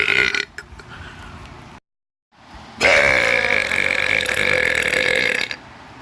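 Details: Two loud, rumbling burps, a short one followed by a long drawn-out one, separated by a brief silence.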